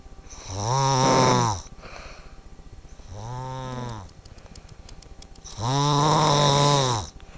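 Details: Heavy snoring: loud, rattling, low snores about every three seconds with quieter noisy breathing between.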